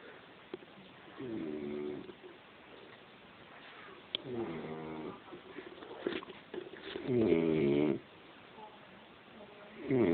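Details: Drunk man passed out asleep and snoring: slow, rough, rattling sounds with each breath, roughly 22 a minute, in a quiet room.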